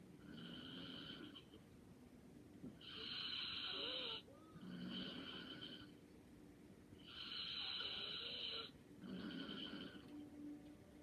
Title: Light snoring and sleeping soundly😴